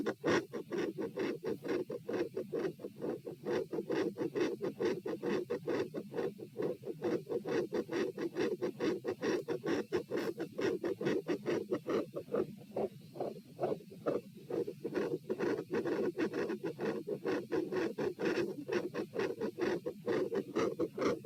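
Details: Auscultation stress test at position P (rates 78–102–120–138 bpm across lying, sitting, standing, bobbing, standing; unusually loud supine): rapid, loud, rasping heartbeats about 135/min, tachycardia with murmur around S2.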